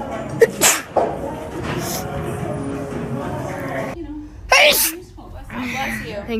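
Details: Sneezing from a short sneezing compilation, with music and brief speech in the background.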